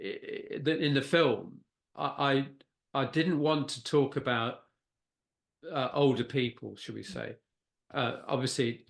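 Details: Non-fluent aphasia with word-finding difficulty in a man who had a stroke (a brain bleed affecting Broca's area) at age 69.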